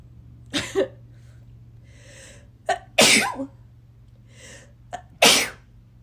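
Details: Three forceful sneezes, each preceded by a brief intake of breath, in a quiet room with a low steady hum.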